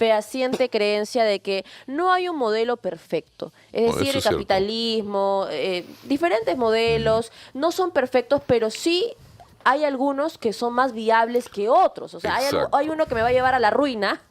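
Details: Adult speaker; normal speech.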